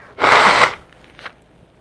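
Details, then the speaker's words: A single loud, sudden adult sneeze, one of several while speaking, then a faint breath in a quiet room. "I'm really battling these sneezes right now. Hold on. Oh my god. Oh my god."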